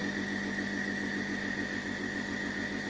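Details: Steady loud mechanical rattling hum with constant whine: a compressor nebulizer running during a mask inhalation of 5 ml saline for a young child with cough, who lies calmly breathing.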